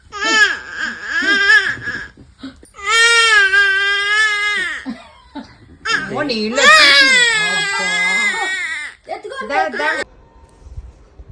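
Loud, high-pitched wailing cries in drawn-out bursts with brief gasps between them: an infant crying.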